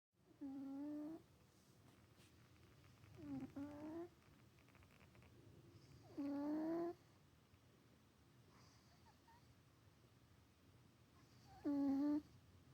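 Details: Four short, whistly, tonal snores spaced a few seconds apart from a sleeping cat over quiet room noise: snoring.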